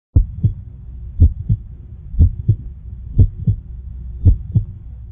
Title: heartbeat